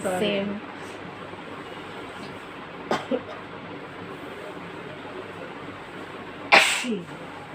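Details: Several sharp, explosive sneezes with voiced tails over steady room hum from sisters sneezing after chikni powder: repeated induced sneezing fit.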